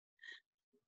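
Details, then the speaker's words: A nursing lecturer imitates an expiratory wheeze, the sound heard on breathing out during a COPD or asthma exacerbation from narrowed airways: a brief, high, whistling, almost flute-like breath sound. Finding: expiratory wheeze (imitation). "it's almost musical right sounds like a little flute or something cute and so expiratory wheezing is very typically found with asthma status asthmaticus or copd okay and that's just the tightening or obstruction of the airways"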